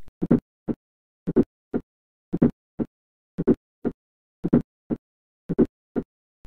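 Slow heartbeat near 56 a minute, with a soft extra sound just before the first sound: a fourth heart sound.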